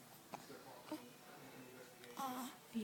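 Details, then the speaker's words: Baby with blue eyes having hiccups, getting a little mad but handling it: a few sharp, brief hiccup sounds with a short fussy vocal sound between them. "we have the hiccups she's handled it ok so far but naturally a little mad"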